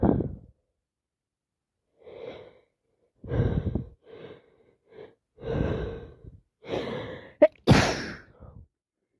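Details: Person after three colds in a row, now with sinusitis: a run of wet sneezes with sniffing and nose blowing between them, typical of head cold with sinus congestion.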